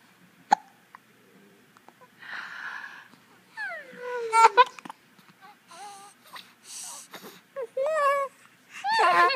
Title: Giggles and hiccups